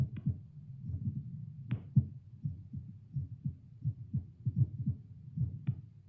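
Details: A seated adult at resting baseline after about two cups of coffee, heard through a Littmann CORE stethoscope played to a speaker: soft, regular low thumps around 78 bpm, fluctuating slightly on a pulse oximeter. Normal resting heartbeat.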